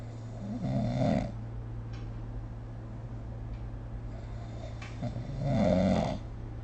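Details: Phone recording of snoring during sleep made with a snoring-tracking app: two low rattling snores on breaths about five seconds apart, with quiet room noise between.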